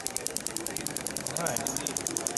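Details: Rapid, regular sharp clicks, about ten a second, with faint background talk: radial shockwave therapy device with knuckle transmitter, treating an athlete's shoulder fascia and trigger points to improve range of motion.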